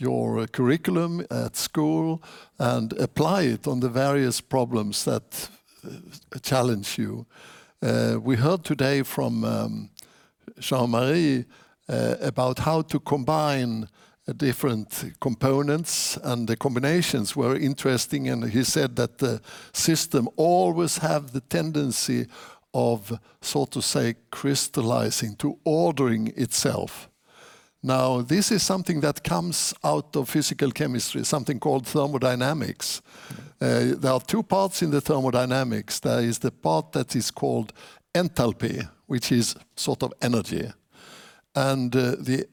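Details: Adult male speaker; typical speech.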